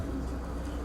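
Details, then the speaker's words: 58-year-old diabetic, hypertensive man with severe obstructive sleep apnoea during a sleep study: brief low rumbling snore, with cyclically recurring obstructive apnoeas, fragmented sleep, no REM, and sustained oxygen desaturation below 90%. "Bueno, ahí se escucha el ronquido y se ven los periodos de apneas obstructivas que se repiten cíclicamente."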